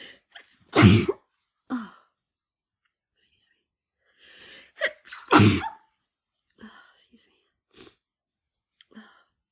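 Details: Person with flu sneezing repeatedly after taking chhinkni (sneezing snuff): two forceful sneezes, each preceded by a sharp in-breath, with quieter sniffs and breaths between them.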